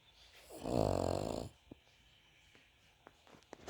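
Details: Cavalier King Charles Spaniel dog snoring like a human: one loud, rattling snore under a second, then quiet breathing with a few soft clicks.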